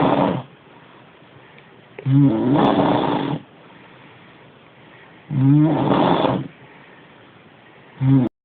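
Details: Woman heavily snoring in sleep: long, loud, rumbling snores about every 3 seconds, roughly 19 a minute, separated by quiet pauses.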